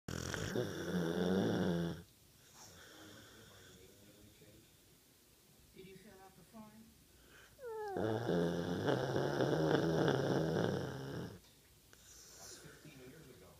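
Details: Two long, loud, rattling snores separated by quieter breathing with faint snorts from a sleeping American Bulldog; snoring.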